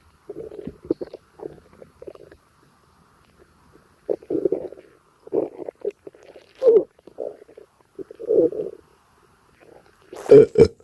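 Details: Bursts of gurgling, bubbling abdominal rumbles with quiet gaps, borborygmi from a gassy stomachache.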